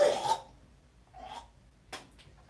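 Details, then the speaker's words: Adult with a chest cold and slight asthma, coughing shortly after using an inhaler: one harsh, loose, rattling cough burst then two softer coughs. A wet, phlegmy, productive cough bringing up congestion. "I just got my inhaler back a couple days ago and so usually when I take my inhaler if you have a chest cold you could just it your it rattles and you when I take my inhaler out of the blue it just starts coming up"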